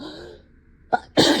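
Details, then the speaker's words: Acted sneezing fit in a simulated scenario of a teacher sneezing while teaching a class: a sharp intake of breath, then a loud explosive, desperate-sounding sneeze; sneeze. "guys just be just because I'm sneezing does not mean this is does not mean this is time to Talk Amongst yourselves okay"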